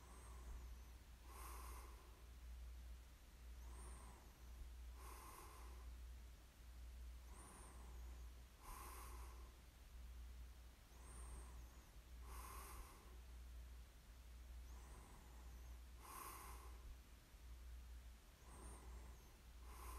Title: [코 고는 소리 ASMR] 숨 소리만 들리던 날. The day I could only hear the sound of my breath.